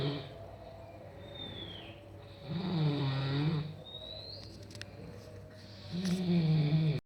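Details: Person snoring while asleep: two loud, low, rattling snores on breathing in, with quieter breaths between, against a steady background hum.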